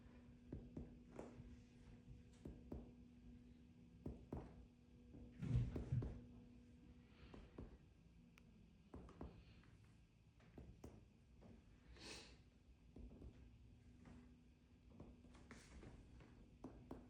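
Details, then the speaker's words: Soft, low, hollow finger taps over the lung fields, percussing the third finger during a heart and lung exam after normal auscultation; normal resonant lung percussion note. "So, I'm going to just percuss my third finger on the uh farthest uh digit here. Okay. It should be very tempanic and resonant."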